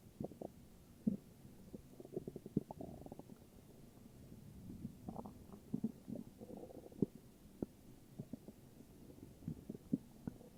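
Low gurgling rumbles and bubbly pops come and go from the belly, ordinary stomach growling from gas and fluid moving through the gut.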